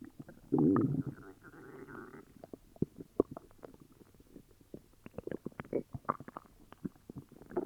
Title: Upset stomach growls🤕